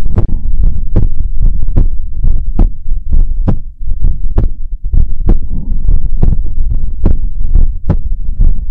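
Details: Steady, regular heartbeat with deep paired thumps at roughly 70 a minute, recorded close up for ASMR: normal heartbeat.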